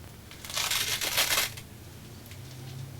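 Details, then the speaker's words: About a second of fine crinkling, crackling noise made with a blood pressure cuff to imitate lung crackles; imitated crackles (rales). "un estertor suena más o menos así si yo estoy respirando y hago y otra vez algo"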